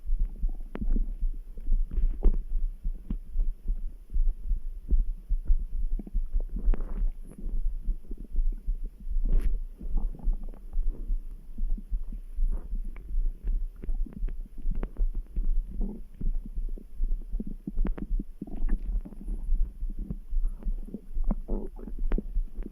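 Low rumbling and gurgling over a steady background of soft heartbeat thumps; ordinary stomach grumbling.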